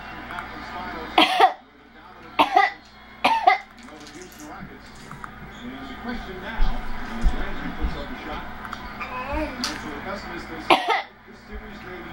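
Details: Voluntary fake cough from a 30-week-old baby who coughs on purpose when bored, frustrated or wanting attention: four short, deliberate-sounding coughs over room noise and faint talk.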